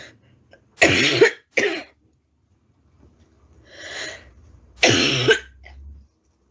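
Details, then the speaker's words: Adult woman with a persistent cough that worsens at night, recorded during a live stream: three harsh, loud coughs with a softer breathy sound between; barking cough. "Pera aí, gente. A tosse a noite pega. Ó. Começou."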